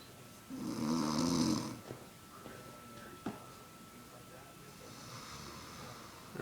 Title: MOM SNORING AGAIN